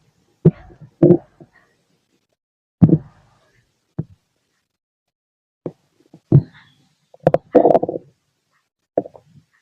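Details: Auscultation of own body (heart and stomach): bowel sounds, stomach growling, with heartbeat.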